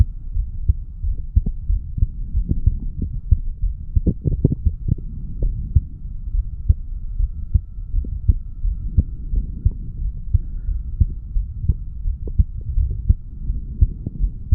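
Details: Fast, regular heartbeat of a 35-year-old man through a stethoscope at the mitral (bicuspid) valve area after weightlifting, with low background hum; heart sounds after exercise.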